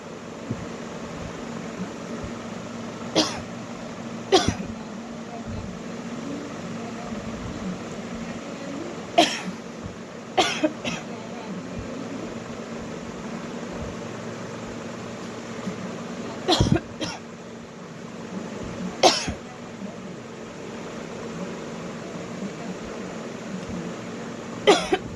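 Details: A woman doing a coughing challenge gives about eight short, sharp, deliberately performed voluntary coughs, spaced apart, over a steady fan-like room hum.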